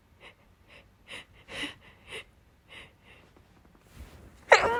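Series of short catching breaths building up, then one sharp, wet sneeze at the end.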